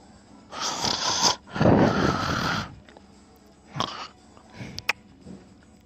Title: I snore around 1 minute and I love it